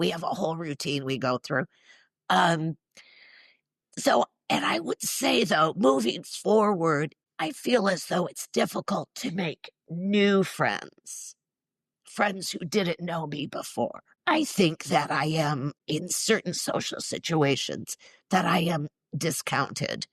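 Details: Woman in her mid-60s with neurological spasmodic dysphonia involving the basal ganglia, plus essential tremor; treated with Botox injections to the vocal cords; condition especially affects vowels and weakens voice; spasmodic dysphonia.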